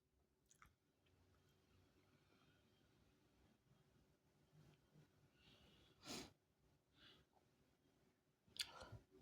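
Quiet room, then three brief sharp bursts of sneezing spaced a few seconds apart.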